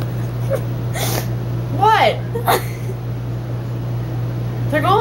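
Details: Several short, abrupt voiced catches about a second apart over steady room hum, from a person with hiccups; hiccups.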